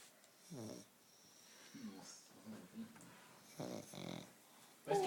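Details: Sleeping puppy snoring with soft, short snorting snores and faint room noise; ordinary dog snoring during sleep.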